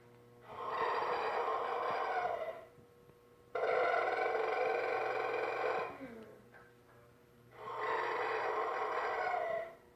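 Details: Loud, drawn-out, rattling snores of about two seconds each, three in ten seconds, with quiet gaps between; snoring.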